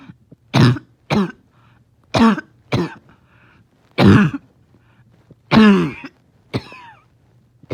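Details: Dog in the morning, finding it hard to rest: seven short, harsh, honking cough bursts in irregular succession, some with a tight whistling edge; barking cough with wheeze.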